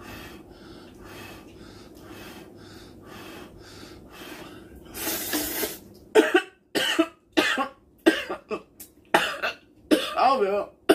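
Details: Coughing while eating spicy ramen and kimchi fried rice during a mukbang.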